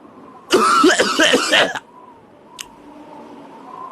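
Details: Acted cough in a cough syrup skit: a burst of several rough, harsh coughs running together, then a brief click and quiet background.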